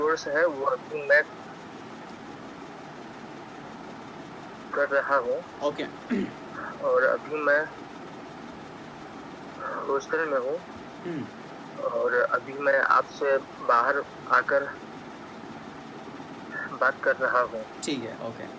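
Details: Silent-block stuttering in a 20-year-old male member of a stammering practice group, with long blocks between words while introducing himself; stuttering (silent blocks).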